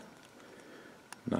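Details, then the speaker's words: Sleeping pet dog snoring: a quiet stretch ends in one short, rough, snorting breath. "if you can hear my dog snoring that is my"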